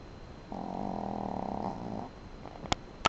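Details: Dog snoring during sleep, loud at night per owner: one drawn-out, rattling breath sound, then a couple of sharp clicks; snoring.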